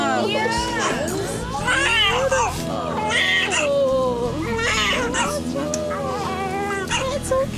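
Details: Newborn girl weighing 7 lb 7 oz, just delivered after a difficult labor, with her cord just cut by her father: strong, high, wavering, continuous vigorous cries with adult voices and music behind, a healthy newborn cry.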